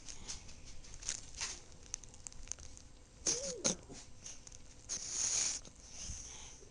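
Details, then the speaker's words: Female chihuahua–Italian greyhound mix napping beneath a pink towel; nasal snorting breaths with a squeaky whistling snore partway through, over a room hum: snoring. "Debbie. Honey, you're snoring. Sweetie, you're snoring."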